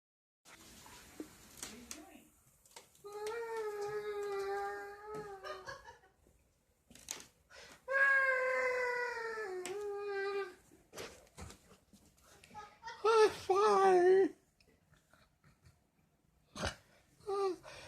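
Several drawn-out, high-pitched wailing cries with short pauses and whimpers between them, in a quiet room. A crying infant.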